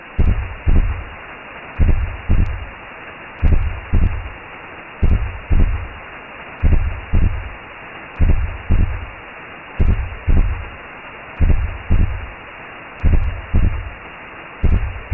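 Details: Simulated womb sound made as a sleep aid for babies: deep muffled double thumps of a maternal heartbeat, about 37 a minute, over a steady whooshing rumble.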